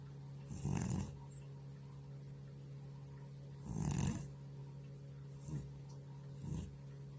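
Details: Soft, low rumbling snores, roughly 20 breaths a minute, from an elderly cat in deep sleep, over a steady background hum.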